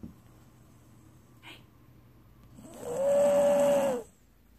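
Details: Subject snoring: a single loud, buzzy, tonal snore lasting about a second after a brief faint sniff, in a quiet room.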